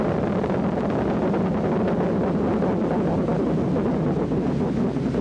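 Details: Needle EMG speaker gives a continuous dense buzzing roar: neuromyotonic discharges, required for a diagnosis of Isaacs syndrome and familial continuous muscle fiber activity syndrome. They are also reported in spinal muscular atrophy, peripheral neuropathy and tetany.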